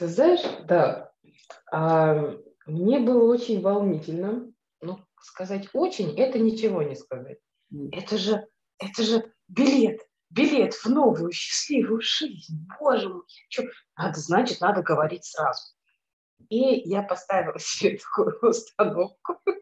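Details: Adult woman who has stuttered since childhood, noticeable from about age 6, speaking after completing a stuttering course; stuttering.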